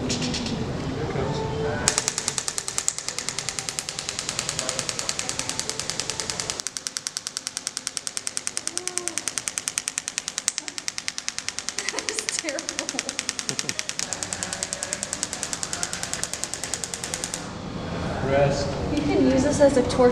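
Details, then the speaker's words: Painful shockwave therapy on the heel during a first physical therapy session, two days after a PRP injection: rapid regular sharp clicking pulses at about 150 a minute, with pauses and room noise; patient says it hurts more as it moves up. "it's not as bad on the heel heel but when it starts going up that's when it's like it feels like a needle going through my head it's crazy it's"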